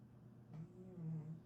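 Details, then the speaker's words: Soft, low rumbling snoring breaths with a faint whistly tone on one breath from a big orange cat sleeping quietly in the background. "Hear the snoring. That's Jean Bean. If you're just seeing this tutorial here on your FYP for the first time. That's a big orange cat snoring."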